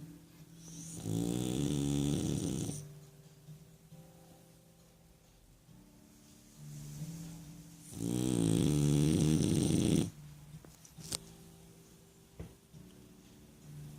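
Two loud, rattling, buzzy inhaled snores about seven seconds apart, with quieter breathing between them; snoring in a sleeping dog.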